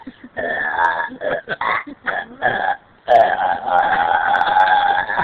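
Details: Burping from a male after a dinner that didn't agree with him: a series of short croaky belches followed by one long drawn-out burp.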